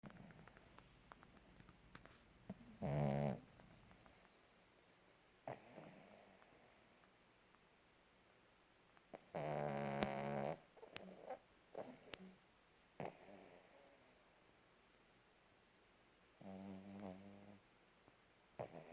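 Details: Sleeping dog snoring: three soft, buzzing, vibrating breath sounds spaced several seconds apart in a quiet room.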